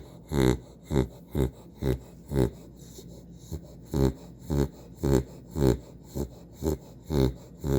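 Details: Female dog Missy snoring during a nap: regular rattling snorts in sleep, about 15 to 18 in eight seconds.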